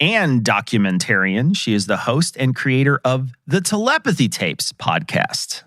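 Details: Adult speaker; normal voice.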